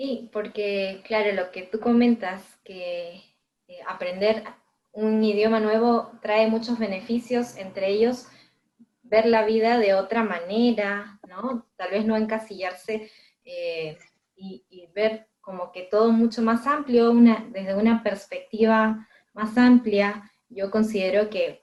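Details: Adult woman; typical speech.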